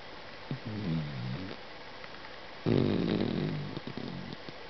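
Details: Sleeping Doberman, tired after a mountain hike: two low, rumbling, throaty snoring breaths a couple of seconds apart.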